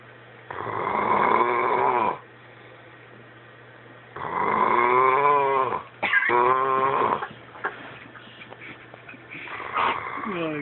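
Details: A sleeping dog snoring: drawn-out rattling breaths and small whimpers with short quiet gaps.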